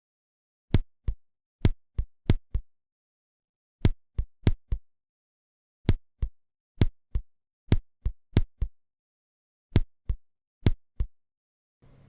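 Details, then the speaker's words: Simulated auscultation of extrasystoles, three audible in the fragment: irregular rhythm with early extra beats interrupting the sequence, followed by longer pauses. "в представленном фрагменте слышны три экстрасистолы Давайте ещё раз послушаем этот же фрагмент"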